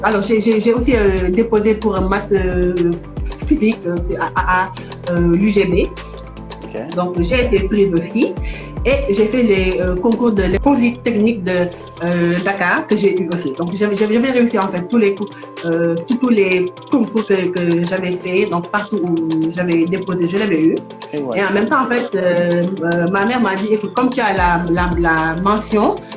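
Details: Adult woman who stutters and is working to overcome her stuttering; stuttering.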